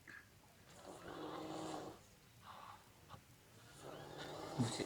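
Rough, rumbling breath sounds in irregular bursts, typical of snoring during sleep.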